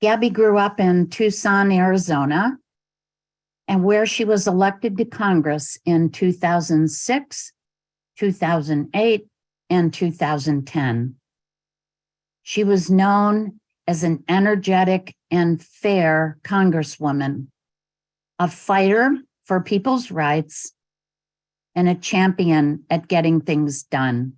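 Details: Adult woman speaking; normal speech.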